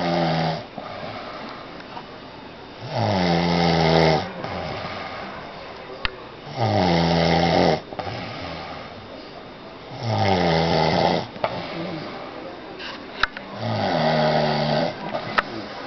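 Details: Adult man asleep, who denies snoring: loud, regular rattling snores on each in-breath, about 17 breaths a minute, with quieter out-breaths between; snoring.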